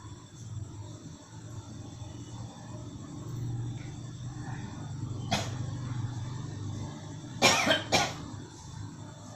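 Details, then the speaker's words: Adult woman patient with cough, headache and malaise from exhaustion: over low room hum, a single short cough then two sharp close cough bursts. "Ini saya lagi nangani pasien sakit batuk sama greges."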